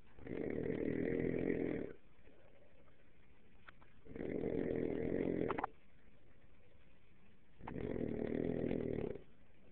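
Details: Three long, rough, rattling snores on the in-breath with quiet pauses between, about one every three seconds; loud snoring.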